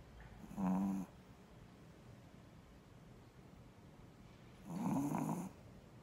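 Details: A sleeping Shih Tzu dog snoring: two loud, low, buzzing snores about four seconds apart, with quiet breathing between them.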